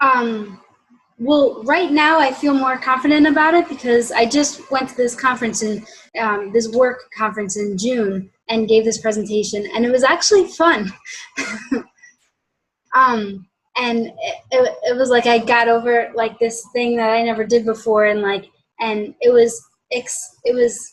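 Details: Adult woman, mild covert stutterer since childhood, worse after college, hides blocks by switching words; has had speech therapy and cognitive behavior therapy; stuttering (mild, covert).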